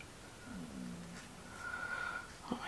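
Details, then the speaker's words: Bowel sounds (borborygmi) just after eating a dinner of teriyaki and water: low gurgling, then a higher drawn-out squeal from the belly. "tummy sorry if you could hear that I just ate dinner and things are burbling about"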